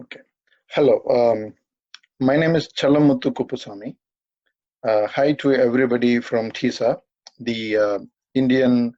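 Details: 42-year-old man who has stammered all his life and says he stammers occasionally in this talk, given at a stammering association webinar; stuttering.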